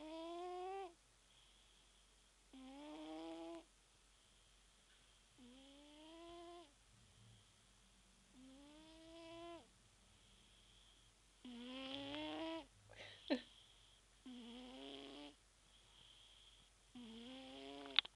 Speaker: Voici mon chat qui ronfle.